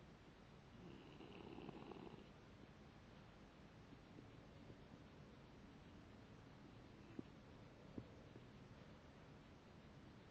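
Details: Foster dog snoring while asleep: one soft, low, rumbling snore in a quiet room, followed by steady quiet and two small clicks.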